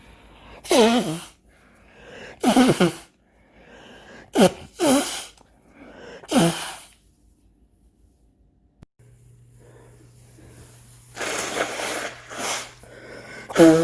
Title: Sneeze and Blows